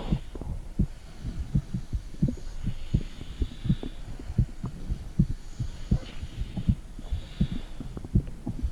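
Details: Heartbeat recorded through a mother's stomach with a phone held to the belly: soft low thuds about 80 a minute over steady hiss, with gurgling noises.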